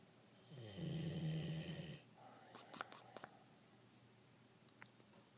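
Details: Giant Doberman snoring like a cartoon dog while not even fully asleep; snoring.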